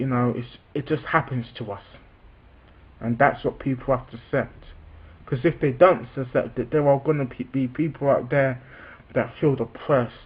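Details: Adult man with a self-reported stammer, speaking spontaneously. Stuttering.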